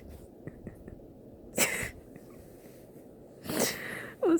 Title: Me begging my dog to sneeze on camera